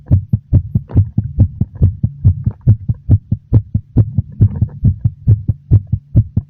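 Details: Loud, close, steady regular low thumping heartbeat with a low hum behind it, slightly fast and very noticeable: fast heartbeat.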